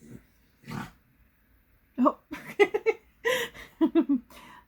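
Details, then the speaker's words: Reverse sneeze in a dog: a run of rapid snorting, grunting "pig noise" inhalations; the dog has always done this. "I don't know if your dogs do it, but Sarah Jane has always done this. Like, it was really freaky the first time, and I looked it up and found out it was called a reverse sneeze."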